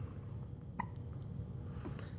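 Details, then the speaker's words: Baby boy with hiccups while playing in a toy car: a single sharp hiccup over a low engine-like rumble, with a second soft catch near the end. "you got your hiccups you got your hiccups in your workout okay say bye bye bye bye bye bye bye bye bye bye bye bye"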